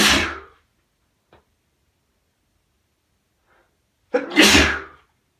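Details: Sneezing fit with nose blowing in a male: two explosive sneezes several seconds apart with a faint sniff between; a bout of sneezing.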